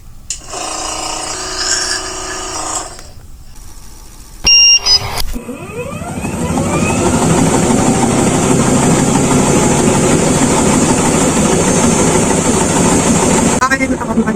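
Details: A ventilator user with acute viral laryngitis starts her airway clearance treatment: the device beeps, then its motor spins up into the steady, rapid, buzzing pulse of a high-frequency chest wall oscillation vest.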